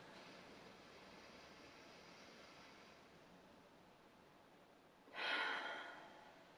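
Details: Slow, quiet breath in, brief silent hold, then louder relaxed breath out: deep breathing (thoracic expansion) exercise with breath hold, demonstrated by a respiratory physiotherapist during the active cycle of breathing technique for chest clearance.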